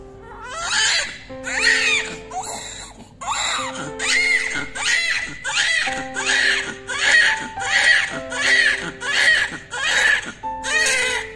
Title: Baby cry #cute #newborn #baby #adorable baby @BabyWorld22